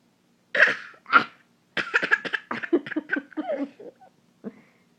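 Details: Year 2 child imitating sneezes and coughs on request (simulated): two sharp, sudden bursts like imitated sneezes or coughs, then a run of short explosive puffs like play noises.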